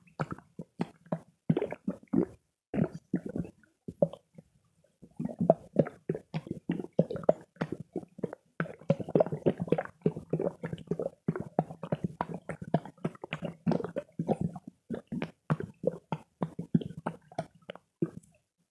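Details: Stomach growling: repeated gurgling, bubbling rumbles in bursts with a brief pause.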